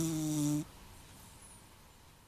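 A single loud, buzzing, tonal snore lasting about half a second, then quiet room noise.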